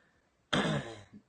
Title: cough